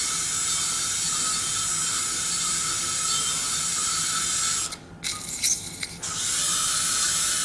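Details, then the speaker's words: Surgical bone drill removing inferior ear canal wall for residual exostosis during transcanal revision tympanoplasty for severe tympanic membrane lateralization after previous surgeries; steady high-pitched whine briefly pausing and restarting. "okay so I need now to drill out the inferior part of the inter worldall because I think we have some exostosis residual exostosis on the right you can see here [Music] that PR [Music] [Music] for [Music]"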